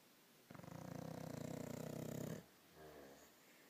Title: Snoring-In-Sync